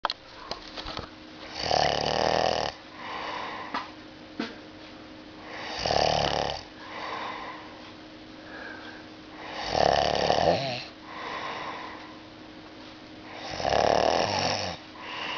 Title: Is that snoring i here?!?!?!